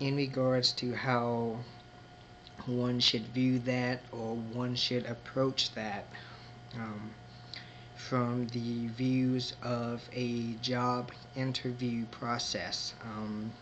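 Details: Adult man who identifies as a person who stutters and may show moments of disfluency; stuttering.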